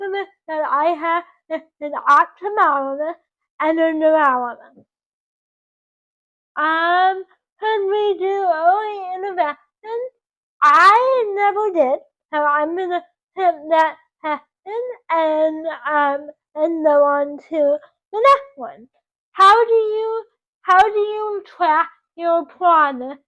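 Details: 24-year-old woman with dysarthria from cerebral palsy caused by oxygen loss to the brain at birth; doctors predicted she would never talk.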